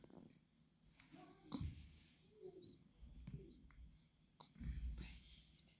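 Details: Newborn baby a few days old making soft, repeated hiccup jerks with small sounds, about three in six seconds; hiccups.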